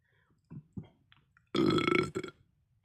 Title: aftermath of my first video #burp #belching #bellyburps #gassy